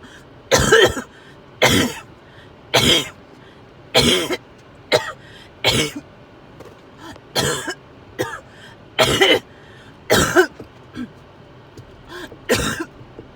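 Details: Repeated coughing from a person with fever who feels overheated and sick to the stomach: about a dozen separate harsh coughs, roughly one per second, some sounding like throat-clearing.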